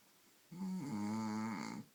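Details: Snoring that has been going on for about an hour and keeps the listener awake: a single drawn-out, buzzing, voiced snore lasting over a second in a quiet room.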